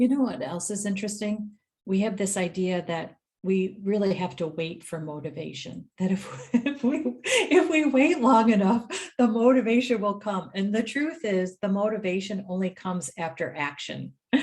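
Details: Adult woman speaking; normal speech.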